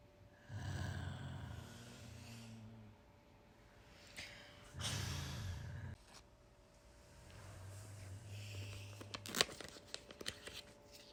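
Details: Quiet low snoring breaths with rustling and faint room hum: a sleeping man's snoring.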